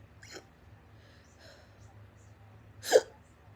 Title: burps and loud hiccups